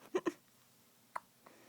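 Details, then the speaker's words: Young child who can't shake the hiccups, head bobbing with each one: three brief, sharp hiccups in a quiet room, two close together, then one more after a pause. "buddy you got the hiccups what's wrong what are these things"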